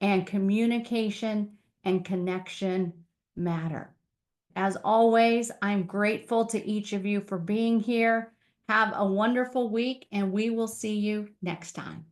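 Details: Adult woman speaking; normal speech.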